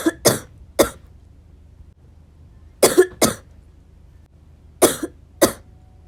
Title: still me coughing